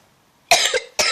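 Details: Two abrupt, harsh cough bursts from a child playing with a squishy toy, the first with a brief trailing sound; cough.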